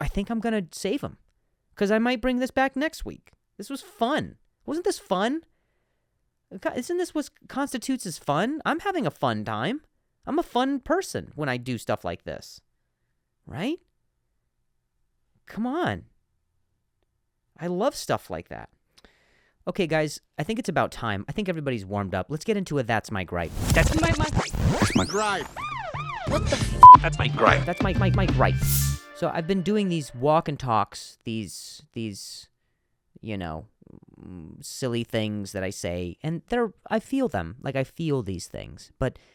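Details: Adult male comedian who stutters, noting some words are hard for him to say, speaking naturally on his own podcast; stuttering.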